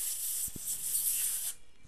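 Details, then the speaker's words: Short hissing burst of air for about one and a half seconds: a dental air syringe blowing debris away while preparing a Straumann NC bone level implant open tray impression coping. "so we can see we're going to spray the air in there get all that out of"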